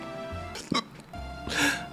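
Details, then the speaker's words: Single sharp abrupt throat catch with breathy vocal noise over background music, recurring every few seconds: hiccups. "아니 그리고 어제도 딸국질 계속 나오는 거야"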